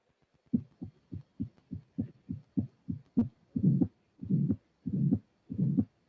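Regular heartbeat near 95 a minute. Clean beats give way to a soft systolic flow murmur and a diastolic murmur of aortic regurgitation.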